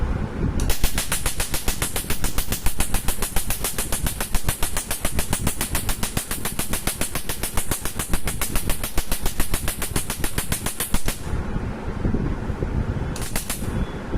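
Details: Rapid crackling snaps in a fast continuous burst of about ten seconds, then a short second burst: a laser firing over a man's skin during permanent tattoo removal.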